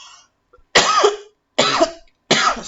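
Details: 37-year-old woman with a throat-clearing tic that she says occurs when nervous: three short, harsh throat-clearing bursts in quick succession; habitual throat clearing.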